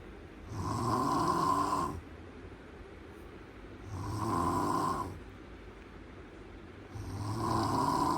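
Loud, rough snores on each in-breath, coming roughly every three seconds with quieter breathing between; typical adult snoring in sleep.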